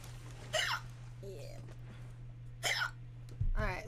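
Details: A woman hiccuping while streaming and playing video games: three abrupt, short voiced gulps at irregular intervals over a steady electrical hum. These are hiccups.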